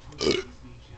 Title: guy burps the alphabet